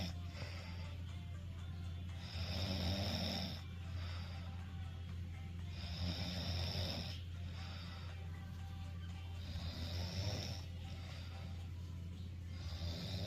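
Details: Teenage brother heavily snoring while asleep: loud, rough snores every three to four seconds, each with a whistling, hissing tail, over a steady low hum.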